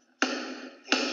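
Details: Two sharp metallic strikes with ringing between them as a surgical mallet slides on a pin screwed into a fractured horse cheek tooth (bilateral fractured 09s) to pull it out; surgical mallet impacts during equine tooth extraction.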